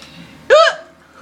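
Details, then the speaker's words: Child with recurrent hiccups after laughing, recorded on an iPod; one abrupt squeaky voiced gulp in a quiet room, hiccups described as pretty bad and annoying. "so anyway my hiccups are pretty bad i don't like my hiccups"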